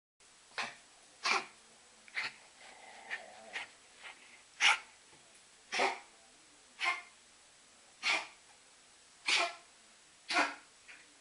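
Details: A dog has a paroxysmal coughing fit of about ten sharp, dry, hacking coughs about a second apart. Fits recur every few weeks and worsen before walks or meals. They stop during walks and resolve on their own; the owner thinks it is nerves.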